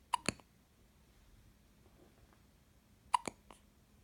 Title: Two week old hiccups